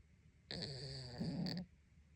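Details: Snoring from a male cat that sometimes snores loudly when asleep: one low, rattling snore from the sleeping cat.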